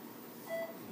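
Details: Anesthesia machine check: a single short electronic beep over quiet room noise, the pulse tone of the monitor's pulse oximeter.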